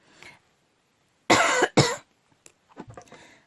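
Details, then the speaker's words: Two loud, harsh coughs from an adult woman with a slightly hoarse voice in the early morning, followed by brief quiet throat sounds and breathing. "toutes mes excuses si j'ai la voix un peu enrouée."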